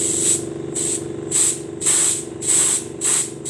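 Steady loud hiss of flowing air, swelling and easing in repeated pulses; air flow through an infant bubble CPAP circuit during a leak check.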